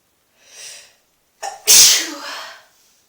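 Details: Person sneezing in a bathtub: a short intake of breath, then one sharp explosive hissing burst trailing off; single ordinary sneeze in an echoing room.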